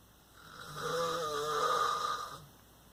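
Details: A single drawn-out, rattling inspiratory snore rising and fading over about two seconds in a dark, quiet room, from a sleeping father at night; snoring.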